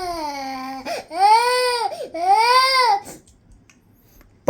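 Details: Infant crying: two loud, clear rising-and-falling wails with short catch breaths between them, then quiet.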